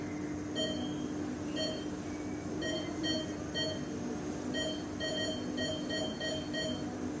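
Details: Repeating electronic beeps over steady machine hum from a sound-effect recording of an ICU patient monitor: patient monitor alarm.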